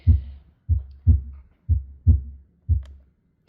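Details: Simulated normal heart sounds from the SAM auscultation mannequin, played through external speakers: crisp, regular lub-dub pairs at about 60 beats a minute, with no murmur.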